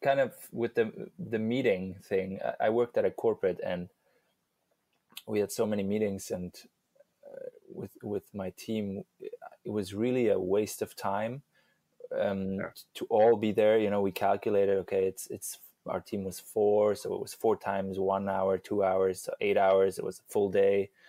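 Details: Adult man speaking; normal speech.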